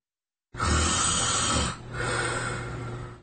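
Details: Heavy snoring in a sleep apnoea patient: breathing seems to choke, stops with a gasp, then snoring resumes; two loud, rough, rattling snoring breaths close together.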